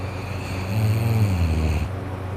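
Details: Loud, low, rattling snore on one breath with a rough congested quality: sleeping adult snoring with nose and throat congested from a cold.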